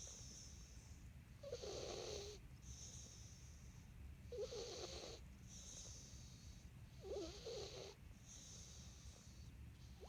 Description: Cat who snores when he sleeps